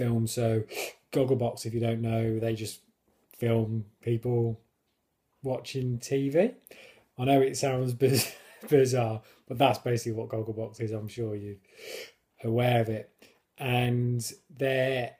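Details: Stammering in an adult man who controls it with a fluency technique learned on a course and who regards it as a disability.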